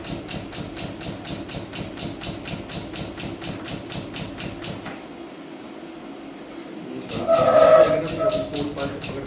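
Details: Cystoscopic bladder stone surgery without incision: a stone of about 2.5 cm is broken with a pneumatic lithoclast, giving rapid regular mechanical tapping at about 140 a minute, then a pause and whooshing flow.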